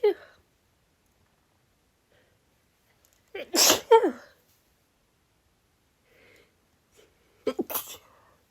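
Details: Female sneezing: a few quick, partly stifled, tickly sneezes separated by silence, each a sharp breathy burst.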